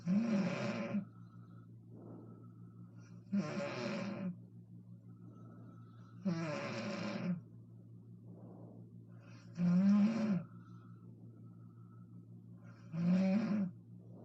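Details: Mother snoring loudly: five harsh, rattling snores at about 18 a minute, with quieter breaths between and a faint background hum.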